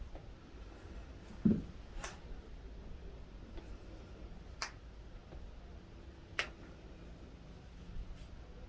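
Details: Chiropractic adjustment with stretching and head turned side to side: a few sharp, brief cracks and pops over quiet room noise. Joint cavitation.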